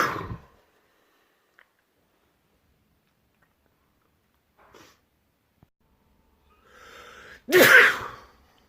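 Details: From a compilation of one person's own loud sneezes: a drawn-in breath, then one loud, explosive sneeze, with the tail of another sneeze at the start.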